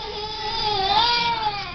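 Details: Single sustained, high-pitched infant wail under two seconds, a baby prompted to cry on camera in the afternoon.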